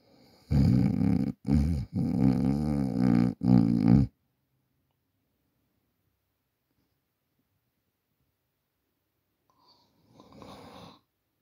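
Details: Adult asleep at night, recorded on a Samsung Galaxy A40 phone: loud, rough, rumbling snores in a run of bursts, then a long quiet pause and a softer breath; ordinary snoring during sleep.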